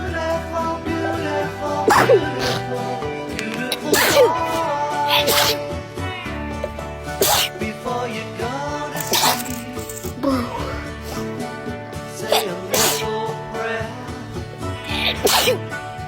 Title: natural sneezing attack